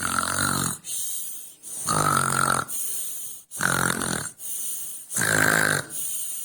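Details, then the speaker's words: A girl sleeping and snoring loudly: rough, rattling snores on each in-breath with quieter out-breaths between, about four cycles in six seconds. "आज हम आपको मिलाएंगे से, जो कि सो रही हैं और इतने बड़े बड़े स्नोर कर रही हैं।"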